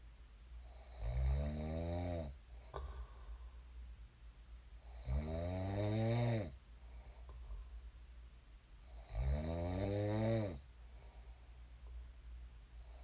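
Regular low, buzzing snores on each in-breath, about 15 breaths a minute, with quiet exhalations between; steady sleep snoring.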